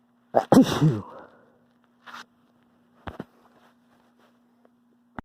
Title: I'm gonna sneeze